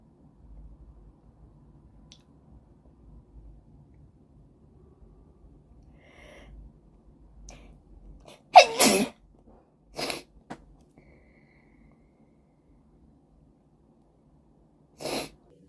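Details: Sneezing during a Covid-19 PCR nasal swab test: one loud sneeze, two further sneezes, then another after a pause, four in all, set off by the nasal swab.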